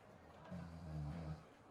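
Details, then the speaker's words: A single low, rumbling snore lasting under a second from an adult podcast host who fell asleep during recording, against quiet room noise; snoring. "snoring."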